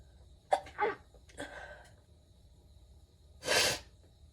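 Quick indrawn breaths, then a single loud explosive burst of air through the nose and mouth: a sneeze.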